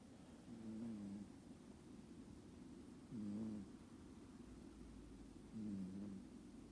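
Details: Cat (in a multi-cat home) snoring quietly, more softly than an American Shorthair: snoring.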